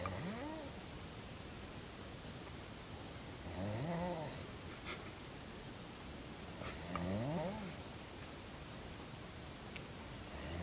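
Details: Person snoring, recorded with stifled giggles nearby: three drawn-out, pitched, rising-and-falling snores over about ten seconds against steady room hiss.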